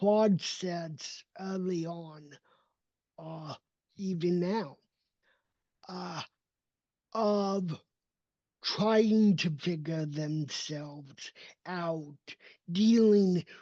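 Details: Dysarthria in an adult man with cerebral palsy; his speech only emerged at age seven after extensive speech therapy, and he must keep training it constantly.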